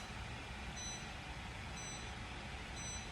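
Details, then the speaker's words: Chattanooga high-power Class IV laser treating a patient's shoulder: faint, regular beeps over a steady machine hum, the double beep marking the change to the next treatment phase. "So any kind of tendinopathy, there you go, you heard that double beep, so we're on the next phase."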